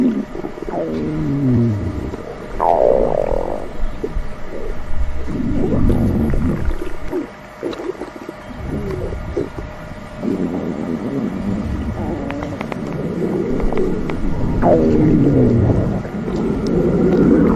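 Long gurgling, squeaking and rumbling bowel sounds come and go throughout; ordinary stomach rumbling from gas and fluid moving in the gut.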